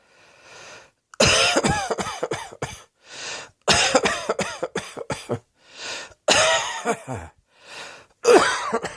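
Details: Acted coughing, several bouts of harsh repeated coughs with short pauses, in a small quiet room.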